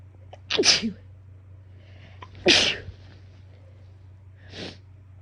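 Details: Itchy-nose sneezing fit with half-sneeze false starts, recorded in a car: two sharp, explosive sneezes then a softer third burst over a low steady hum.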